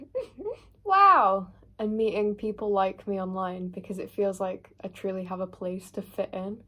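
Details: Vocal tics, including swearing, in a 16-year-old girl with Tourette syndrome whose tics were noticed from about age 7.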